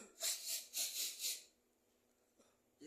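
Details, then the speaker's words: Three harsh, hissing breaths in quick succession, acted (simulated) laboured breathing and shortness of breath in a person claiming heavy cough after swallowing tobacco while smoking. "Sesek ini. Oke, Bib. Dah, tak tunggu ya, Beb. Sesek ini udah enggak kuat nih, Beb."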